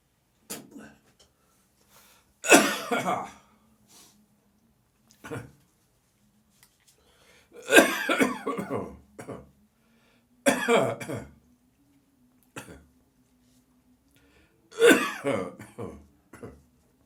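Repeated harsh, wet-sounding adult coughing bouts with throat clearing, separated by quiet pauses.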